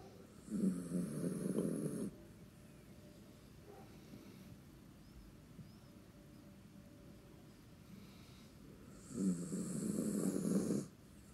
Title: Snoring Bella